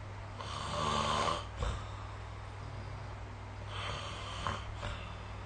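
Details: Snoring recorded with the SnoreLab app: two long, rough, rattling breaths about four seconds apart, each ending in a brief snort, over a steady low room hum during sleep.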